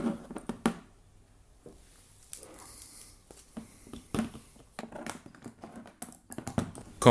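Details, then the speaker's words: Mouth-made reconstruction of Korotkoff sounds, short soft tapping, as heard through a stethoscope during self-measurement of arm blood pressure with a manual aneroid sphygmomanometer, because the real sound could not be recorded. "je n'ai pas réussi à capter dans ses écouteurs bluetooth ce qu'on l'entend avec ses oreilles quand on utilise les stéthoscopes donc je vais vous faire une reconstitution avec un son que je produis moi même tout tout tout tout tout"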